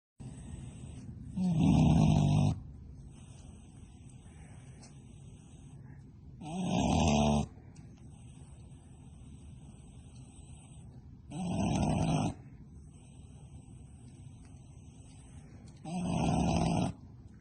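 Low grunting snores at a steady pace, about 12 a minute, with quiet pauses between them.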